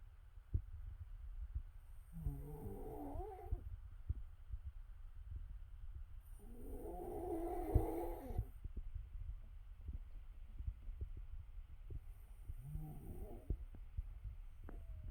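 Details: Adult wife snoring while a dog looks on: three rough, rattling snores in 15 seconds, about 12 a minute, over steady low room noise.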